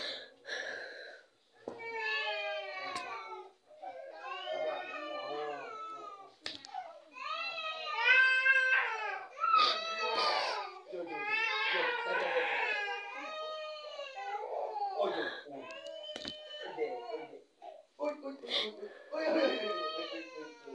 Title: baby crying